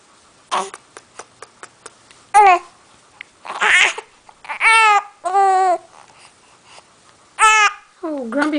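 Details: Baby with hiccups: several short, sharp hiccup clicks, then fussy whimpering cries; infant hiccups with fussing.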